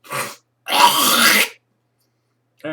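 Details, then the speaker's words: Two rough throat-clearing bursts from an adult, the second long and gravelly; speaker attributes it to sinus drainage running down the throat and says it is not COPD; throat clearing. "just like my sinuses spill and then it starts rolling down my throat until my lungs reject it and bring it back out that's what's going on"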